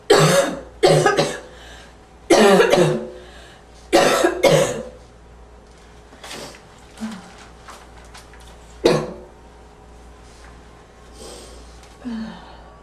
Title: Slight wheezy barking cough